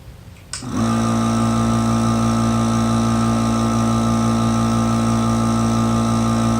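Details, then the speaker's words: Monaghan AeroEclipse reusable breath-actuated nebulizer, switched on for an at-home aerosol treatment through the mouthpiece: a click, then a steady loud mechanical hum and buzz of the compressor running without a break. "now you're ready to take your treatment turning your nebulizer on and place your lips tightly around the mouthpiece of the nebulizer making sure not to block this exhalation valve"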